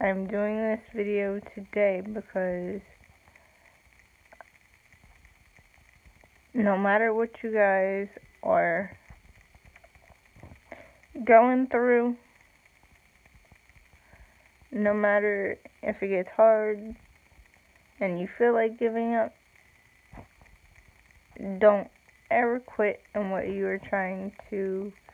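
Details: Dysarthria in an adult woman with cerebral palsy, real, speaking to camera; long pauses between short word groups.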